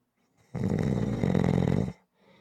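One loud, rattling, buzzing snore lasting over a second, then quiet breathing out: snoring.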